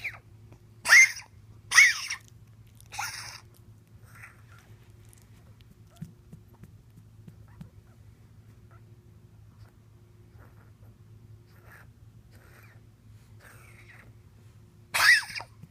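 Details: A pet gives a quick run of three harsh coughs, then one more after a long pause; cough.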